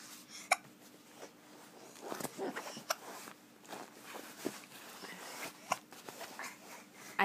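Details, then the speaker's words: A person with hiccups: several sharp, brief hiccups, irregularly spaced, in a quiet room with soft background noise; two people both have hiccups at the time. "we both have the hickups you too oh you're funny there was one i had one to when's the next one coming"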